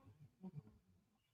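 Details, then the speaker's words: A sleeping dog's quiet, low, rumbling snort in a small room, brief loud snoring heard during a live stream. "My dog is snoring so loud. If y'all can hear it."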